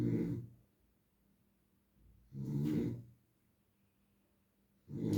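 Slow, rough snoring sounds on each breath, about three breaths in five seconds, with quiet pauses between.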